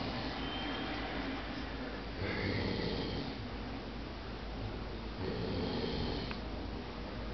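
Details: Adult man asleep in a recliner, giving two coarse, rattling snores on the in-breaths, roughly 16 breaths a minute, over a steady room hum; ordinary snoring.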